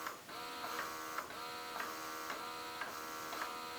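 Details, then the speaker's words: BelleMa Pro electric breast pump running with both sides expressing simultaneously: a steady hum with rhythmic, chiming, almost musical tones cycling about once a second. Suction is reported as strong even at level one. "so you can you can sort of hear how it's making like or like it's kind of doing like a chiming almost musical instrument type thing"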